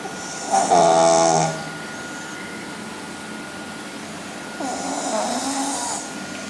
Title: Snoring pug